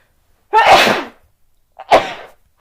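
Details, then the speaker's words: An adult announces they have to sneeze, then sneezes. "I have to sneeze."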